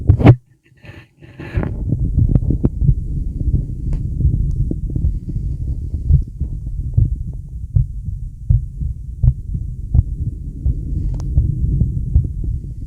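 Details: Adult male heartbeat with deep breaths: soft, low thudding heartbeat under a steady deep rumble from a chest recording; normal heartbeat.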